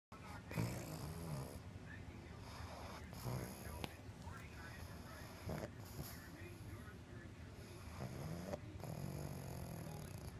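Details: Snoring from a sleeping pug: loud, rattling snores repeating in regular breath cycles about every two to three seconds.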